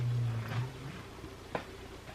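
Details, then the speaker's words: Sleeping pet dog: a low, rumbling snore, one rough breath under a second long, fading to near silence in a quiet room. "Can you hear my dog snoring? It's so cute."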